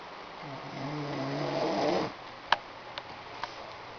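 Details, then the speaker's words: Adult man (husband) snoring while asleep: one long, buzzing, rattling snore on a slow inhalation, then quiet with a few small clicks and shifting sounds. "So, my lovely little husband doesn't think that he snores loud. Well, I'm going to show him otherwise."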